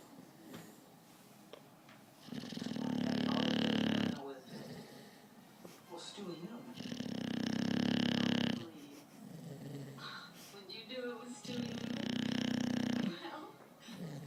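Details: Adult snoring: three long, loud rattling inspiratory snores about every 4 to 5 seconds with quiet breathing between; ordinary snoring.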